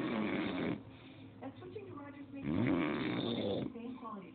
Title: Dad snoring